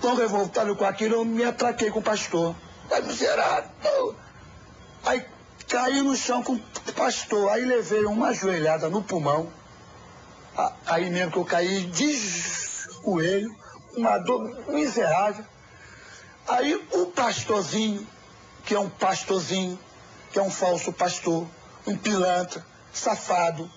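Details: Adult man who still stutters after seeking a cure at a church; sound and word repetitions; stuttering.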